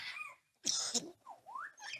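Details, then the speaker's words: Cough-like sound from an abandoned African grey parrot at a refuge aviary: a short whistle, then a harsh noisy double burst, then sliding whistles; possibly mimicry of coughing. "Ah ben je crois que vous il a toussé. Je sais pas si vous l'avez entendu celui-là. C'est celui qui tousse euh ici."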